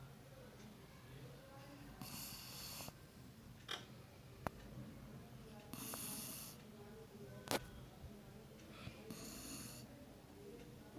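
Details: Rhythmic, raspy snoring breaths, about 17 a minute, with faint room noise, from a sleeping female dog; snoring.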